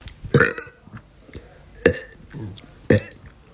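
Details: Young woman burping, from a compilation of clips: three short, deep throaty burps about a second apart, with quiet room noise between them; ordinary belching.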